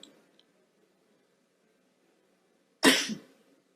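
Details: Adult coughing during a legislative assembly session: after a few seconds of quiet room noise, one sharp, explosive cough with a brief rough tail.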